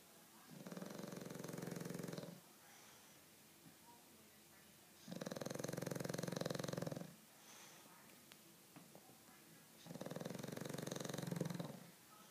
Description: My 7 month old bulldog mater snoring like a boussse